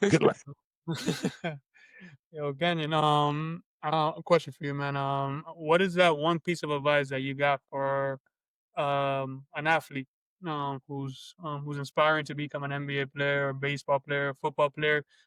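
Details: Adult man with stuttering who says he may get stuck on words.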